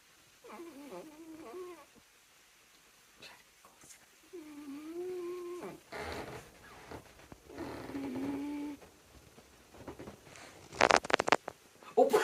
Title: Snoring Kitty #catshorts #trending #cats #rescuecat #torbie #catlovers #kitty